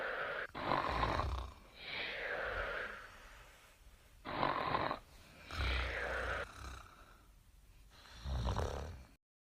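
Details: Sleeping wombat: rough, rumbling snores, each breath a noisy vibrating sound, about 16 a minute; snoring.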